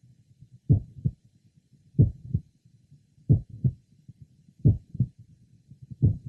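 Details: Mitral valve prolapse in a 22-year-old man with a family history of the condition (mother and grandmother), heard at the apex and lower left sternal border: a mid-systolic click introducing a late systolic murmur.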